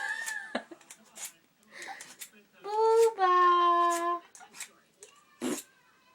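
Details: Young child, said to be hiccuping: soft whimpers and a brief fussy cry with quiet room sounds between; infant cry.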